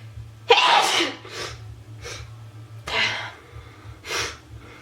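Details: Girl sneezing: a loud sneeze with a breathy tail, followed by a few softer sneezes; ordinary sneeze.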